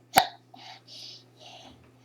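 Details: Four-year-old girl in a ninja Halloween costume, talking and singing, gives a single sharp, abrupt hiccup followed by soft breathy sounds and faint background hum.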